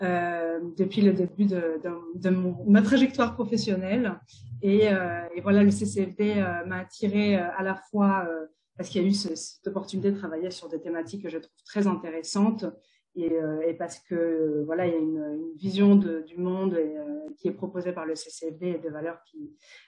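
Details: Adult woman speaking French; normal voice.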